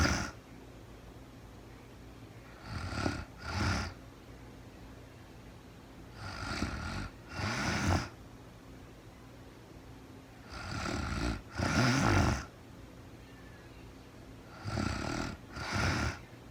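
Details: Real-time recording of a sleeping woman, very tired, snoring regularly in paired bursts on in- and out-breath, about 15 per minute, with quiet pauses between.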